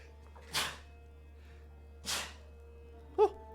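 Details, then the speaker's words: Streamer sneezing repeatedly during a live stream, joking about being allergic: two short, hissing sneezes about a second and a half apart, then a brief voiced sound. "oh no and I'm allergic to the joke apparently also sneeze incoming time to write that down kinda oh no"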